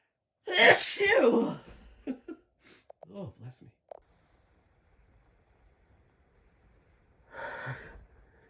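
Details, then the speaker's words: One loud sneeze, then a series of small stifled sneezes and a softer sneeze after a pause, described as how the person sneezes in public. "Oh. That's how I sneeze in public."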